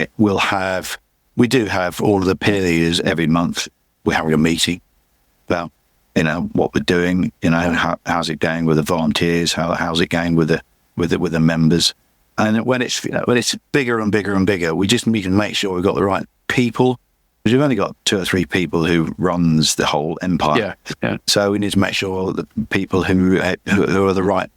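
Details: Adult male with chronic aphasia after a massive stroke about 11 years earlier; still unable to read or write, and he says his speech is not great; repetitions heard; aphasia.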